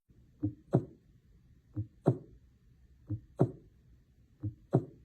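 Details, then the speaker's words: Audio example of bradycardia, a heart rate under 60 beats per minute; slow, regular lub-dub heart sounds at about 45 beats a minute. "In the opposite, our heart can beat too slowly or less than 60 beats per minute. If this happens, the body may not be able to maintain adequate blood flow to major organs."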